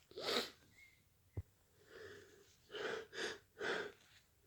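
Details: Deliberately induced hayfever sneezes: a soft sneeze, a sniff, then a quick run of three sneezes with breathy intakes; repeated sneezing from allergic rhinitis.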